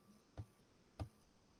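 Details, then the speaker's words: Simulation of severe hearing loss, in which sounds below 70–90 decibels cannot be heard: very faint, muffled room sound with a single soft thud, then near silence. "e quase não conseguimos ouvir né isso porque não consegue ouvir sons mais baixos do que 70 e 90 decibéis"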